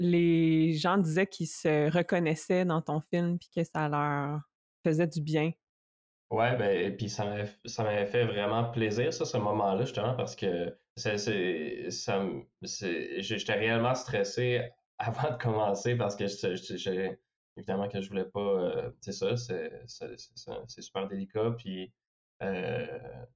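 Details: Stuttering in a young male filmmaker who is a person who stutters.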